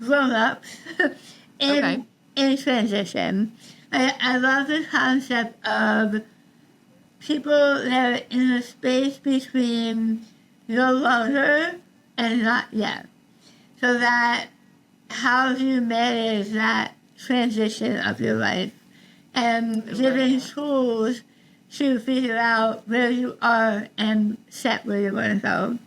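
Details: Adult woman about 3 years after treatment for stage 4 tongue cancer: over half of tongue removed and rebuilt with forearm skin graft, neck dissection, 6 weeks radiation and chemotherapy; some listeners cannot understand her; altered speech after partial glossectomy.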